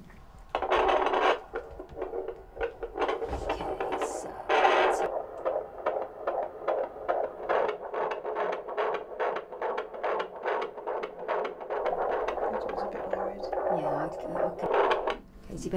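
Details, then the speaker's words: Handheld Doppler at 35 weeks in obstetric triage; mother worried about reduced baby movements, raised blood pressure on labetalol, some bleeding and pain; rapid, regular whooshing fetal heartbeat that sounds fine, normal fetal heart sounds. "heartbeat sounds fine but because you've been worried about your baby movements I think it's important that we also put you on the baby monitor"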